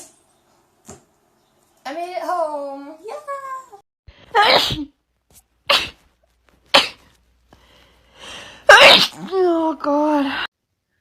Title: Cute Girl Sneezing 44